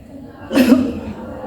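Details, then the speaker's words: Simulated effective-cough teaching role-play: after three deep breaths out through an O-shaped mouth, one strong deliberate cough on a count of three to clear secretions. "dan untuk langkah keempatnya silakan dibatukkan ya Kak Dalam hitungan ketiga 1 2 3"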